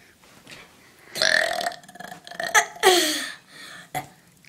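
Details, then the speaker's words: Girl burping on command: several loud, drawn-out voiced belches and a brief quieter one, with faint voices and giggling in a small room; repeated burping. "she F watch this girl can burp on command okay do it again do another one I'm going to do it again this girl is awesome do one last one okay"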